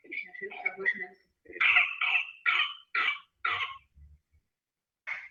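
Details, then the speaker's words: Child's pertussis (whooping cough) paroxysmal cough: a rapid run of harsh coughs in one breath, with an inspiratory whoop between bouts. "por isso que eu trouxe esse vídeo aqui com a tosse essa tosse paroxística da Coquelux que vocês possam ouvir"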